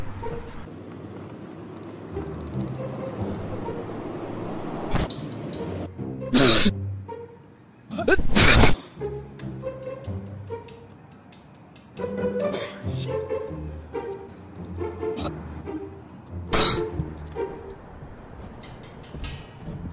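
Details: Staged sneeze attack by an actor sitting in a park, over background music: several loud, explosive sneezes, some with a drawn-in breath before.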